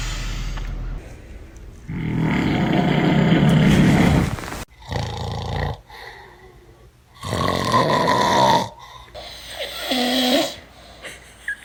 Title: Funny snoring #funnyvideo #reaction #fyp #viral #funny